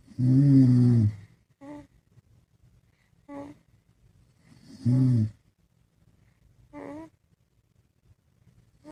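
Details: Dad and baby snoring together: deep voiced adult snores alternate with softer, higher baby snorts, about 14 a minute, in a quiet room.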